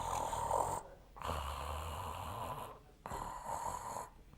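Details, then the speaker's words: Stertor: low, coarse, snoring-type noise on breathing from partial obstruction of the upper airway at the mouth or upper throat. "So this is the very upper airway. So yeah, mouth/throat. This is the upper throat. This is called stertor."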